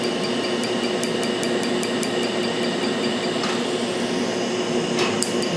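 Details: Q-switched laser tattoo removal with Astanza Trinity on a multicolor tattoo, fifth treatment, 1064 nm on black and 532 nm on the cherry part: steady machine hum with sharp, evenly spaced snapping pulse clicks.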